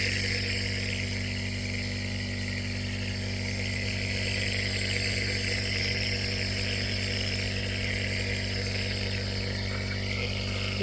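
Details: Steady, loud mechanical buzzing hum of a compressor nebulizer motor running continuously during a toddler's first nebulizer treatment for croup with a terrible cough.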